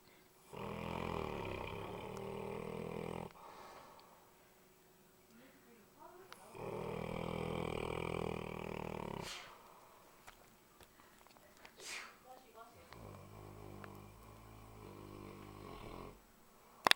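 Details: Sleeping female puppy snoring very loudly in the dark: rough, buzzing snores, two long and loud, then softer fluttering ones.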